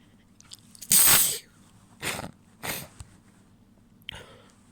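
Three sneezes: one loud wet burst, then two quieter, partly stifled sneezes, followed by a brief sniff-like sound.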